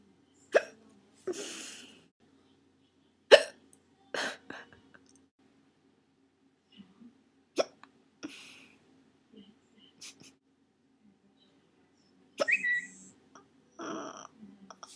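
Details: Sharp, abrupt hiccups, about seven in fifteen seconds, irregularly spaced with soft breaths between, after which they seem to stop; hiccups.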